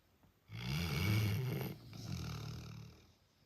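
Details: Snoring from a father or son, both said to snore really loud, at midnight: one long, deep, rumbling snore on the in-breath, then a softer, rougher breath out.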